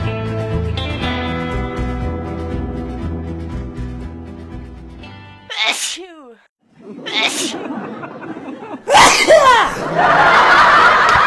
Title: Scary sneeze😱😱